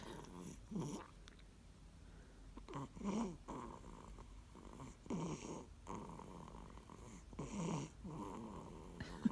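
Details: Sleeping dog snoring in a steady rhythm, with low rattling bursts about every two seconds; snoring.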